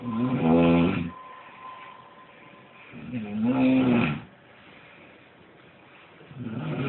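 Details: Person sleeping and snoring happily while someone else plays a video game nearby: loud, rumbling snores on each breath in, about 18 per minute, with quieter breaths out between them.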